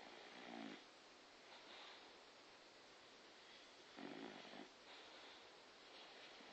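Two rough, snorting snores on the in-breath over soft steady background noise: snoring.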